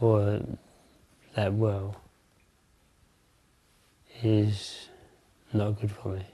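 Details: Adult man with Parkinson's disease for over 20 years, onset in the mid-1980s with a left-hand tremor, taking daily pills; hypokinetic dysarthria.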